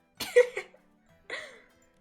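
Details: Two short, dry coughs with a brief pause between, in a quiet room, from a streamer sick with COVID whose voice is affected. Cough.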